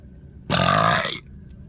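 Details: Man burping compilation: one loud, long, rumbling burp lasting under a second, over faint room noise.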